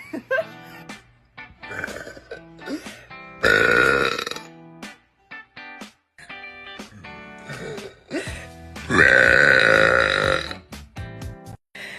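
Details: Female burper: long, loud, drawn-out voiced belches alternating with shorter burps over background music; repeated belching.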